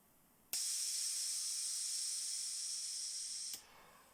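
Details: Pressure testing of a low-cost COVID-19 mechanical ventilator prototype using pneumatic valves: single steady, high-pitched rush of air lasting about three seconds, starting and stopping sharply as a valve opens and closes.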